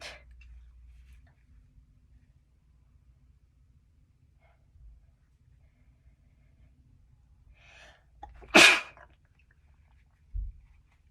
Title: Chhinkni Sneezes 3 (nb)